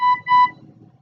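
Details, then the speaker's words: Two clear electronic beeps from a Dräger Evita XL ventilator just switched on and running its start-up self-test modes; ventilator start-up beep. "so I've just turned it on and now we're gonna go through all of this little test modes and"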